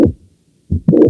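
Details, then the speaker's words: Heart sounds with a sharp mid-systolic click and a late systolic murmur that gradually builds and ends before S2, heard at the mitral area with the stethoscope diaphragm, patient in left lateral position; mitral valve prolapse. "originado por el prolapso de la válvula o hacia la aurícula o el soplo es tardío en las historia va aumentando poco a poco de intensidad y termina antes que el segundo ruido cardiel es un prolapso de la válvula mitral"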